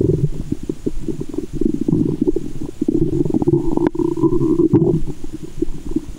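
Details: Stethoscope over the belly button after candy and fizzy Japanese soda, with belly waves: continuous low gurgling and rumbling with some sloshing; active bowel sounds (borborygmi).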